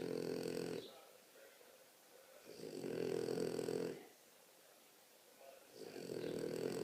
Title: The biggest snoring everrr!!